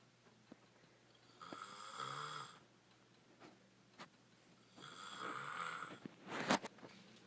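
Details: Jessica snoring, described as extreme yet on a good day: two long, loud, rattling snores about three seconds apart, ending with a sharp snort.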